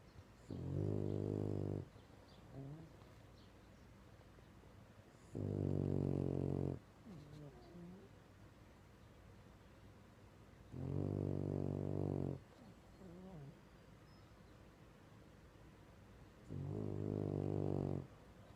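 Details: Sleeping French Bulldog snoring: loud, rattling snores at about eleven breaths a minute, with faint whistles in between.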